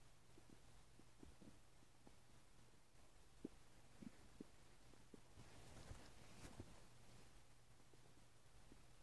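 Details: Person's own stomach noises: quiet, scattered gurgles and clicks over a low steady hum, ordinary stomach rumbling (borborygmi).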